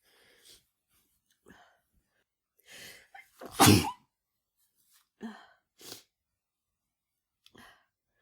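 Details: A person with flu: breathy intakes build to one loud explosive sneeze, followed by short sniffs and softer breaths.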